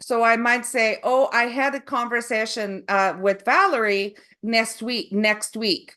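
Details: Woman with foreign accent syndrome after a stroke, preceded by aphasia with loss of numbers and sequencing; she reports difficulty remembering words, reading and saying long words.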